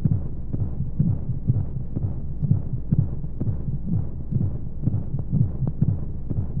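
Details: Womb-sound sleep aid for babies: steady muffled low thumping at about 60–65 a minute under a soft whooshing hum and white noise; heartbeat as heard inside the womb.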